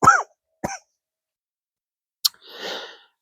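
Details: Adult coughing with stuffiness from allergies while gardening: two short, dry coughs, then a brief throat sound and a breathy exhale in a quiet room.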